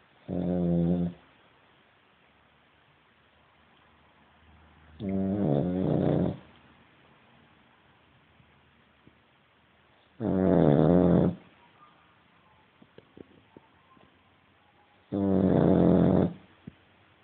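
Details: Sleeping Cavalier dog: four loud, low, rattling snores about 5 seconds apart, roughly 12 breaths a minute, with quiet gaps between; snoring.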